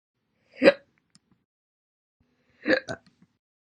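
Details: Slow hiccups: sharp, abrupt voiced catches, one and then a quick double, about two seconds apart.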